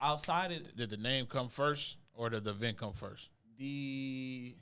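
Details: Adult male speaker; normal speech.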